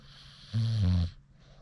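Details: A British Bulldog, tired after a Sherp ride, snores with eyes open: a single short, low, snorting snore lasting about half a second.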